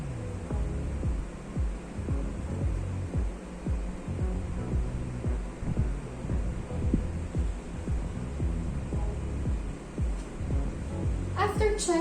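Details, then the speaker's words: Apical pulse auscultated with a stethoscope at the apex during a nursing student's head-to-toe assessment, counted for one full minute: repeated low heartbeat thumps with hum and faint music, normal heart sounds. "another there is something special in this site because you're going to listen in full one minute of the optical pulse so the normal apical pulse should be 60 to 100 bits per minute so it's located here"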